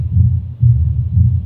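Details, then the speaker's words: Pure mitral stenosis in a female patient, at the apex: loud S1, opening snap, then a low rough rumbling mid-diastolic murmur louder at the end. "rough rumbling murmur which becomes louder at the end. Okay. This murmur is best heard with the bell because it is a low pitch mber."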